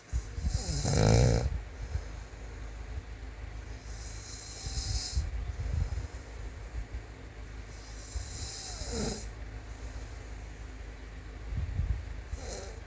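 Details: Man snoring: deep rumbling snores on slow breaths, several over about 13 seconds, with quieter breathing between and some room noise.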